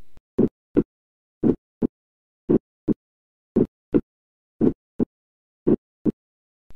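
Clear, regular heart sounds at about 55 beats a minute, with the first sound of each beat slightly broadened into two close parts and a single crisp second sound. This is a split first heart sound, from the two valves closing a moment apart, and commonly a normal finding.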